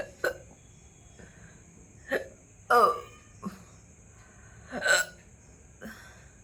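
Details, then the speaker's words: Repeated hiccups (sharp, abrupt throaty catching clicks at irregular intervals) that began suddenly after eating a large luchi; the person describes a gurgling feeling rising from stomach to throat and plans to drink water. "গলার মধ্যে কেমন গুরুর গুরুর গুর গুর করছে বাবারে জল খেতেই হবে।"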